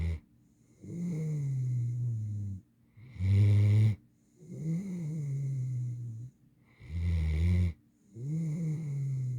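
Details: Ordinary sleep snoring in an 8-month-old female mantle Great Dane: deep, rumbling snores with each breath, in and out, about 16 breaths a minute.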